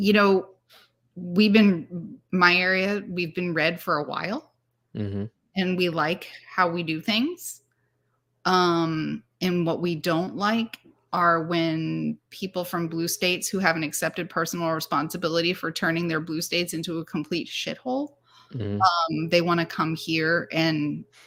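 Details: Adult woman; normal speech.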